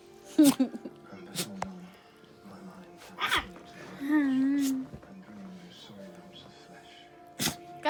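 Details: Two short, sharp, explosive nasal bursts from a newly adopted female dog while playing and grabbing at a person's foot, over background music: dog sneezes.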